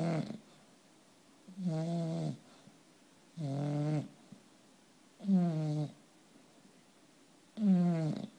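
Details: Bulldog snoring in sleep: rhythmic low rattling, vibrating throaty snores at about 25 breaths a minute.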